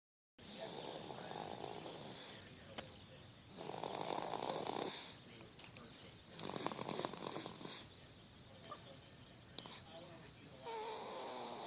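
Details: 7-month-and-one-week-old snoring during sleep: rough, noisy breathing with fluttering snores on the in-breaths; ordinary snoring.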